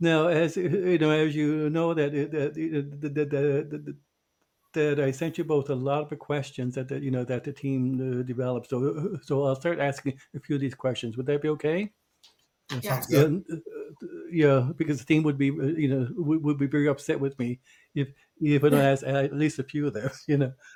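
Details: Stuttering in a podcast co-host who identifies himself as a person who stutters.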